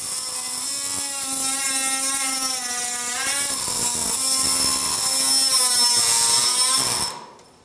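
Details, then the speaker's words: Oscillating saw cutting the distal femur of a bone model through a distal cutting block during total knee replacement demonstration: high buzzing whine rising and falling in pitch, then stopping. "تمام، احنا شلنا دلوقتي الانترا ميدالري راد وفضلناش غير بس الديستال كاتنج بلوك. هنبتدي بالسو بليد ناخد الديستال بوني فيميرال"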